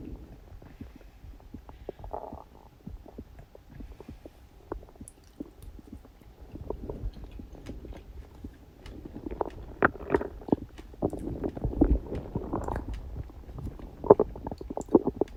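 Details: Stomach growling on a birthday after eating cake: irregular gurgling and rumbling bowel sounds with scattered bubbly pops, growing busier over the recording.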